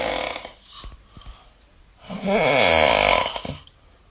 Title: Snoring sound